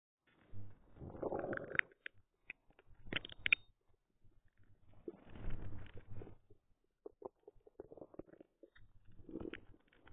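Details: Stomach growling (borborygmi) from a person's belly: irregular low gurgling and rumbling bursts with quiet gaps, a normal sound of gas and fluid moving through the gut.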